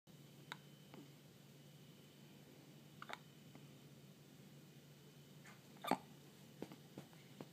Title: hiccups